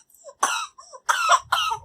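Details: Baby with a bad cough and cold: three short, high-pitched coughs with soft breathy sounds between them; infant cough during a cold.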